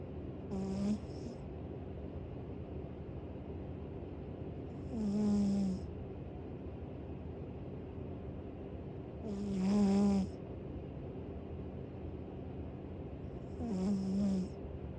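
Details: Foster cat snoring: four soft snores with a hissing, whistly edge, about 14 a minute, over steady room hum.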